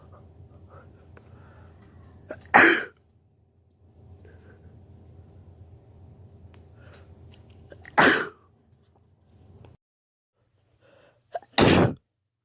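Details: Allergy sneezes: three separate sharp sneezes over quiet room noise, recorded across one day.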